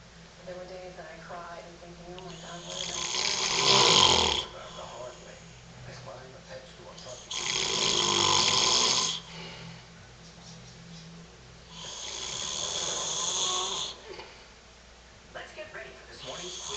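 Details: Loud, harsh, rattling snores from a father, on the breaths in, three in about 17 seconds, with quieter breathing between; heavy snoring during sleep.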